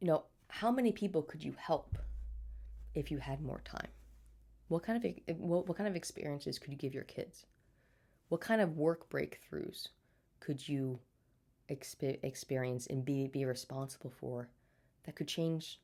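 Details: Adult woman with a stutter since birth, speech therapy throughout childhood, still stuttering day to day and getting stuck on words; audible repetitions: stuttering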